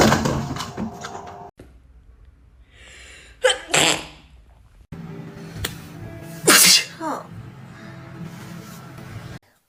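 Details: Young woman sneezing repeatedly, about five sneezes in a row before a photo shoot, with background music: sharp, forceful bursts of air, ordinary sneezes.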